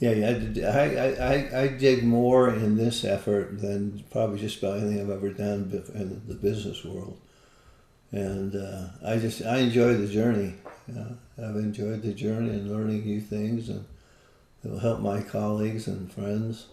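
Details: Parkinson's disease, a neurodegenerative disease, in an adult man living with it for more than 20 years, with visible shakes; hypokinetic dysarthria.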